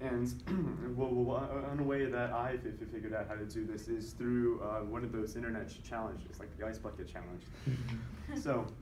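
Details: Voluntary (deliberately faked) stuttering by a man who stutters, used during a presentation on stuttering as self-therapy and counted with a tally counter; voluntary stuttering.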